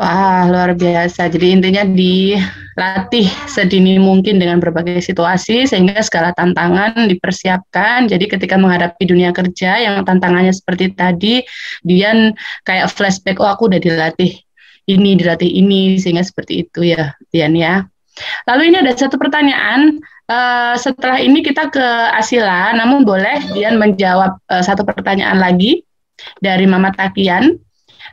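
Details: Adult female speaker (host); typical speech.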